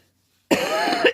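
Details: Cough.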